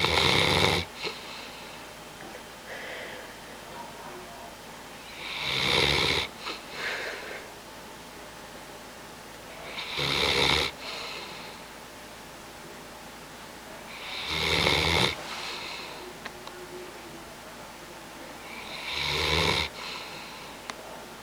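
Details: Bloodhound napping: loud rasping snores recurring about 13 times a minute, separated by quiet pauses; ordinary snoring.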